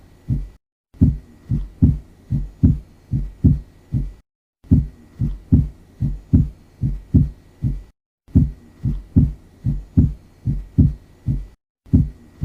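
Regular heartbeat near 74 a minute with sharp extra early diastolic sound after the second heart sound: opening snap.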